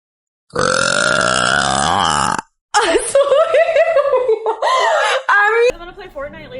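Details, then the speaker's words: Female deliberately burping: a long, loud, sustained belch, then a second gurgling, uneven burp with voiced pitch changes; says burps sometimes feel stuck. "Sometimes it feels like the burps get stuck and then I don't enjoy myself."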